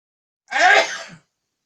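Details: A grandfather gives a single abrupt, explosive sneeze, a sharp breathy burst that fades quickly, followed by laughter. Sneeze.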